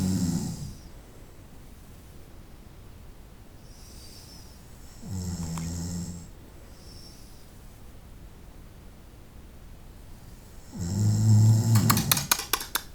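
Two rough, rattling snores about six seconds apart, the second ending in snorting clicks; quiet hiss between breaths.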